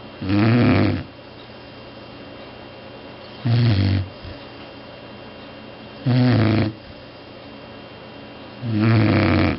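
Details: Loud, rumbling snores about every three seconds, roughly 22 a minute, with quiet pauses, from a sleeping cat; heavy snoring.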